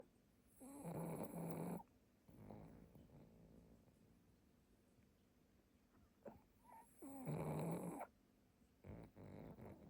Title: A Cute Pug Making Snoring Pug Dog Sound 🥰